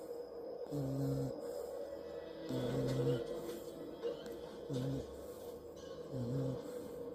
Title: puppy snoring 🧡 #dollylife #lifeofdolly #puppy #snoring #sleep #cute #love #dog #follow #subscribe